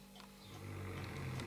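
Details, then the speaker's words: Snoring from someone nearby during a recorded talk: a low, rumbling snore building in loudness during a single breath, faint in a quiet room; snoring. "make them worry about this all this snoring make them informed decisions that's what really matters you would think he could be out there would you snoring"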